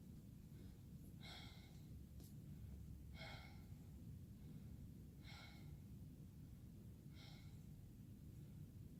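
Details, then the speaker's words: Stethoscope on the back of a healthy 20-year-old woman taking deep breaths during a student nurse's head-to-toe assessment: four slow, even breaths, clear and equal, with good air exchange bilaterally. Normal breath sounds. "all right breath sounds are clear and equal with good air exchange on both sides"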